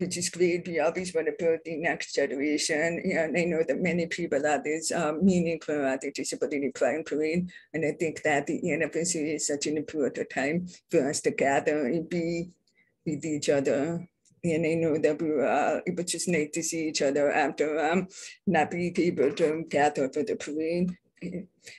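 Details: Woman born deaf, now using bilateral cochlear implants, who describes her own deaf accent; deaf speech (hearing-impaired speech).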